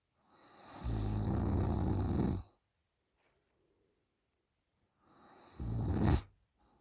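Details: Heavy snoring in a sleeping 20-year-old female: two loud, rough, rattling snores on the in-breath, separated by a quiet pause.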